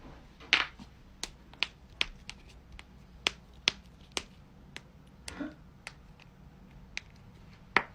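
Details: Joint cracking (cavitation) during a back adjustment: about a dozen sharp, dry pops and clicks over several seconds.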